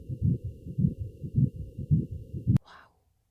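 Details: Rapid rhythmic whooshing pulses of a fetal heartbeat on ultrasound Doppler, cut off abruptly, heard at a gynecology clinic visit soon after a positive home pregnancy test.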